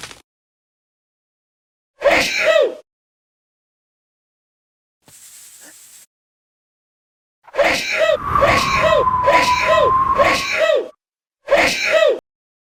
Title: Sneezing 2